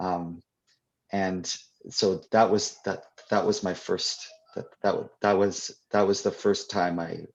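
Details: Adult who stutters, answering a question during a live convention Q&A; real, unscripted speech; stuttering.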